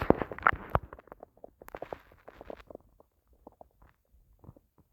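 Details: Stomach growling (borborygmi) from hunger after a long time without eating: quiet, irregular gurgles and soft pops fading over a few seconds.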